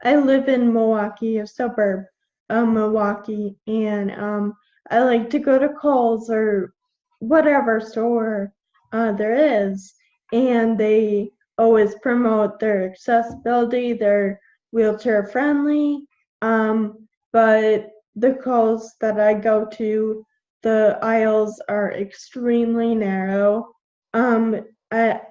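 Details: 21-year-old woman with Friedreich's ataxia, a genetic neuromuscular degenerative disease; symptoms from about age 9, diagnosed at 13, with progressively slurred speech. Finding: ataxic dysarthria.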